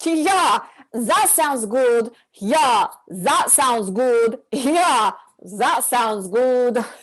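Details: Acted: a comedy-skit character who claims a mild form of echolalia repeats a phrase several times; echolalia (acted).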